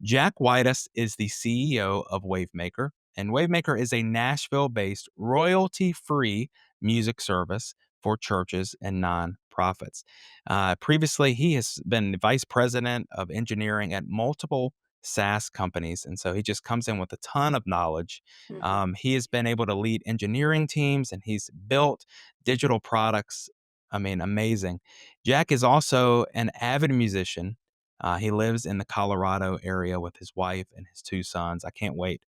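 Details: Adult male speaker; normal voice.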